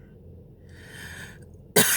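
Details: Young woman smoking, who says she is wheezing: a drawn-in breath followed by the sudden, loud onset of a single harsh cough.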